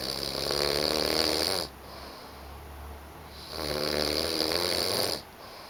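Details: Two loud, rough, vibrating snores on breathing in, separated by a quieter breath out, from a man asleep with his puppy; ordinary snoring.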